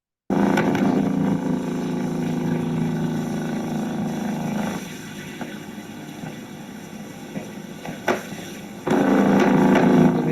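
Steady, engine-like droning discharge that stops abruptly, with a few isolated sharp pops in the quieter stretch: complex repetitive discharges with fasciculations on needle EMG.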